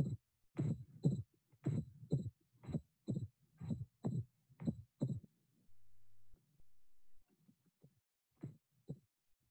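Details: Slow, regular paired heart sounds at about 60 a minute, with the second heart sound splitting into two; note the change when the patient inspires.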